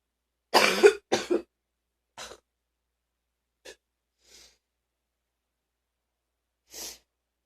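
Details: An adult who was very sick gives several deep, forceful coughs, loudest at the start and fading into softer ones: deep coughing.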